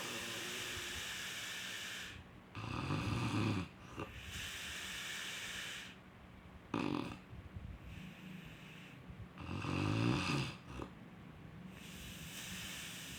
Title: snoring sound